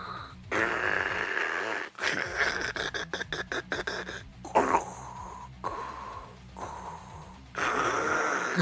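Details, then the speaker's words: Imitated snoring under a CPAP mask: loud hissing Darth Vader-like breaths with fluttering, rattling snores underneath, mimicking how a wife on a CPAP machine sounds at night. "so now I got like a slight masking, so it's like Darth Vader. So it's like Darth Vader breathing, but just crazy snoring underneath."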